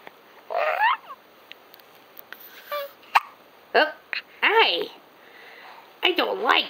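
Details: Young daughter with hiccups, who first laughs at them and then gets mad: several brief, abrupt voiced gulping sounds at irregular intervals; hiccups.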